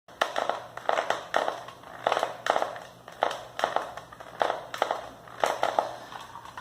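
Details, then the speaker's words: Teeth clenching and grinding, at night or during the day: repeated gritty scraping and crunching bursts, irregularly spaced; bruxism. "pessoal quem sofre desse problema apertá lo em grande noite ou mesmo durante o dia dessa forma é bom esse problema se chama bruxismo"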